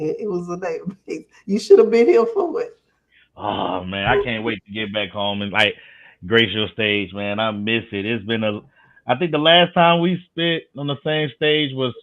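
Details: Adult speakers in casual conversation; normal conversational speech.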